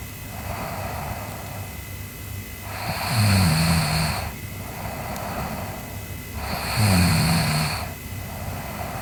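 Slow, rattling snoring during sleep, about 17 breaths a minute, with a vibrating low snore on each breath in over room hiss.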